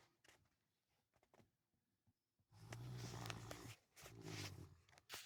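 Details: Pally, a dog, asleep and snoring: quiet snuffles, then two loud, rough, rattling snores.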